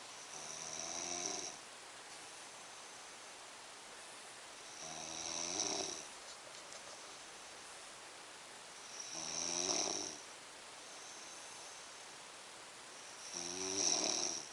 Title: roncando